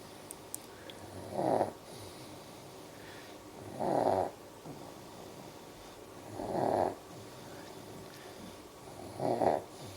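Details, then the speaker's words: A sleeping baby lying with his bottom up in the air makes soft, regular snoring noises with each breath, about 23 a minute, in a quiet room; snoring. "sawing logs with his bum in the air."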